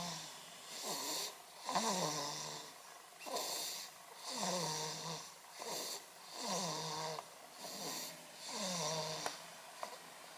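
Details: Sleeping baby snoring softly and regularly, with a nasal whistle on each breath, about five breaths in ten seconds, roughly 30 a minute.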